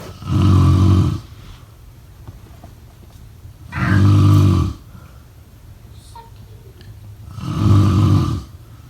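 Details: Sleep snoring: loud, low rattling snores on each breath, about 17 a minute, with quiet pauses between.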